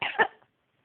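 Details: Two quick harsh cough bursts, then silence, from an adult who says they are sick.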